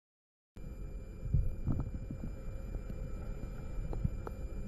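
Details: Korotkoff sounds in a blood pressure measurement with a stethoscope, starting from a zeroed manometer; faint low tapping thumps over stethoscope hiss as the cuff deflates.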